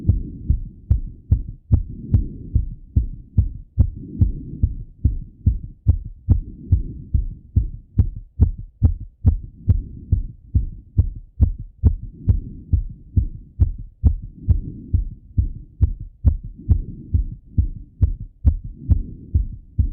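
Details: Strong, fast, regular heartbeat of a male, self-auscultated with a stethoscope after coming home from a run, with a steady background rumble; heartbeat after exercise.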